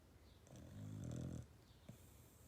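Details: Puppy snoring: a single low, rumbling snore, with faint room noise.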